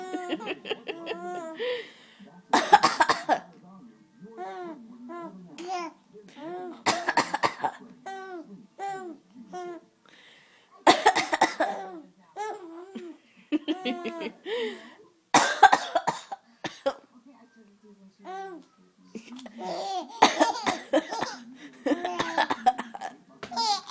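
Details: An adult gives several loud, deliberate voluntary coughs while an infant laughs and babbles in between.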